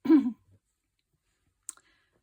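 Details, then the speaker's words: Adult craft-video narrator with a frog in the throat gives a single short voiced throat clear, then a faint click; mucus sensation that doesn't clear properly: throat clearing. "sorry I keep clearing my throat and as you can hear I've got a tho frog in my throat and it doesn't clear properly it's really annoying"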